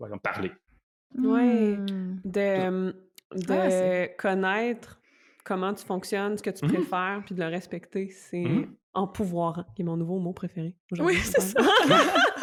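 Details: Adult woman, a doctoral researcher on stuttering, who stutters herself; stuttering.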